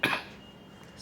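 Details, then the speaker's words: Adult with severe cough, phlegm, fever, headache and body pain, taking antibiotics and cough syrup: a single brief harsh cough burst followed by quiet room noise; cough. "हा यह बीमारी ने तो मुझे बहुत ज्यादा तकलीफ दे दिया बिया आई होप आ बेटर बहुत ज्यादा खासी इतना है"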